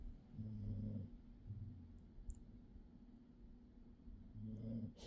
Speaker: I'm sorry if you can hear him snoring but I'm not going to disturb him as I'm filming my TBR and also ignore the mess in my room but if you hear snoring this is why